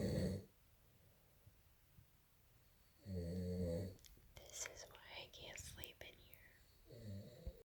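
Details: Adult snoring, recorded November 2018: short, low, rattling snores on inhaling about every four seconds, with soft, whistly breathing between; ordinary snoring.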